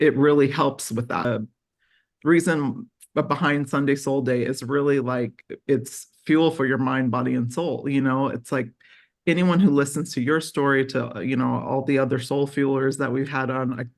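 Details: Adult speaker; no speech disorder.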